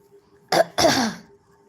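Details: Woman on a live stream who says she is unwell and cannot talk: a single harsh, raspy cough in two quick bursts, with faint room hum.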